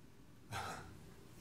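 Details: Patient with ALS gives a single short, soft, poorly forceful cough burst; weak cough with reduced airway protection.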